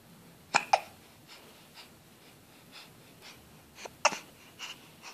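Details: Baby hiccuping after eating baby-food puree, while seeming to try to say something: sharp, abrupt breathing catches spaced through quiet breaths with soft breathing between; infant hiccups.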